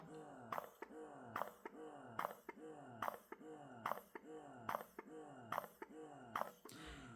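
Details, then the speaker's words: Eufy S1 Pro and S2 Pro wearable breast pumps running off the breast (louder than when worn), both marketed at 46 dB; S2 Pro massage unsynced with suction: rhythmic suction cycles, rising whir, soft click, about 72/min. "So, they are both marketed at the 46 decibels. However, I feel like the S2 Pro is louder purely because you have this massage in it's not consistent or or synced with the suction."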